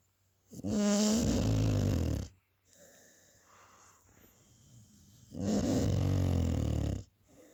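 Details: Sleeping American Staffordshire Terrier (Amstaff) dog snoring: two loud, rattling, low snores on breathing in, about 5 seconds apart, with quieter breaths between.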